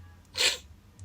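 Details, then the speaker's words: A single sharp, hissing sneeze in a quiet room, from a person still sick with a runny, congested nose, part of repeated sneezing. "so I know for a fact I'm not the only one who who has had those moments where you just need sneezing it's sneezing it's sneezing it's sneezing"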